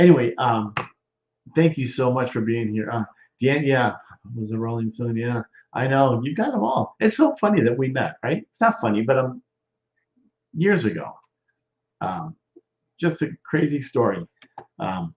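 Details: Male stroke survivor, more than 13 years post-stroke, with self-reported Broca's expressive non-fluent aphasia involving word substitutions and difficulty with function words: Broca's (expressive) aphasia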